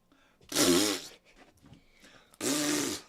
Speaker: I did have to sneeze y'all hear that is it working